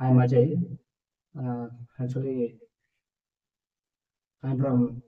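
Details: Adult man who has stammered since childhood; stammering.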